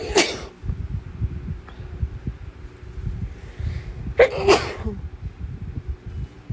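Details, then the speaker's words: Two forceful sneezes, the second a double burst, deliberately induced with chhinkni sneezing powder, partly muffled, over background rustling and breathing. "Oh my goodness, I have to sneeze. Okay. Very intense."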